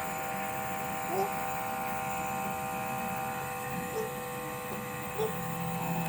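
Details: Steady mechanical hum and buzz of a nebulizer compressor running throughout, used for a child's nebulization because of cough, with faint room sounds in the background.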